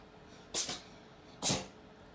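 Two short, sharp sneezes from a cat in a quiet room.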